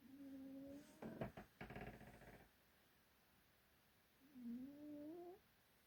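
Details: Cat named Tim in a very deep sleep, snoring.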